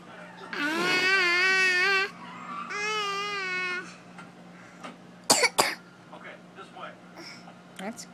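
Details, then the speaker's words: Young girl's cough: two drawn-out voiced sounds, then two short, sharp coughs; cough. "i'm trying to get your sister's cough not you guys being silly i know but i just want to see if i can get one of her long nasty coughs"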